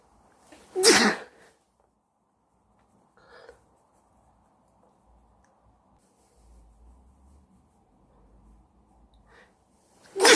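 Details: Person sneezing: two sharp, explosive sneezes separated by a long quiet stretch with faint breathing in a small room.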